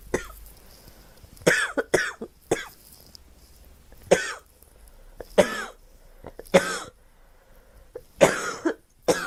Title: Girl coughing 96